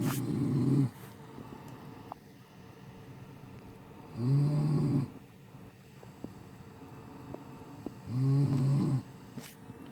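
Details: Person snoring loudly enough to keep someone awake, likened to a train: three low rattling snores about 4 seconds apart, roughly 15 breaths a minute.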